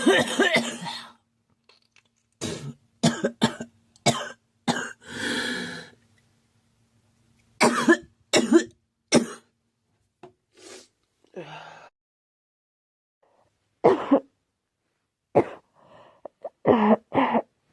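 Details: Girl who thinks she is getting a cold, with a scratchy, sore throat: repeated short dry coughs in several bursts, with throat clearing and pauses between; cough with an early common cold.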